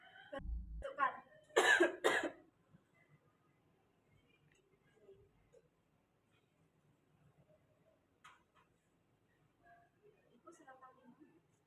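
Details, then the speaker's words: Simulated nursing skills role-play of effective coughing on a female patient: after guided deep breaths she gives two strong deliberate coughs on the count of three into a container to expel secretions, following a short thump. "Ini ya Bu, nanti kalau hitungan ketiga Ibu bisa batukan di sini ya."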